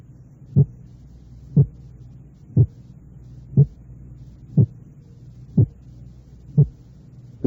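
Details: Simulated heart sounds at about 60 a minute for a splitting discrimination drill: each beat is a very closely split pair of clicks, narrowing toward near-single over a faint hum.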